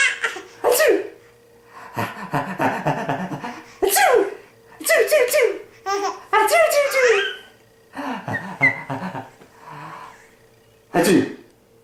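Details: Imitated sneezing: an adult (the father) makes sharp fake sneezes, and an 8-month-old baby answers each one with bursts of laughter; the sneezes are not real.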